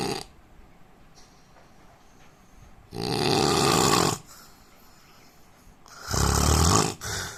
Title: Indian man snoring sound